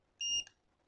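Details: A JZK-301 fingertip pulse oximeter gives a short, high electronic beep with each heartbeat: pulse oximeter pulse beep.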